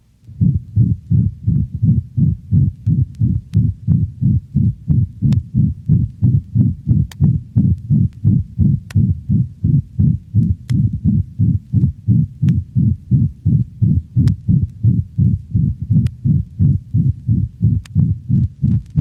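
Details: Dog: rapid regular heartbeat, about 170 per minute, with harsh hollow systolic murmur filling each beat, loud over mitral and tricuspid regions, little radiation to aortic and pulmonic positions, resembling mitral insufficiency; ventricular septal defect.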